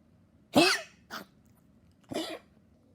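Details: Dog that had become weaker, coughing non-stop: three harsh, dry coughing bursts in quick succession, a persistent cough.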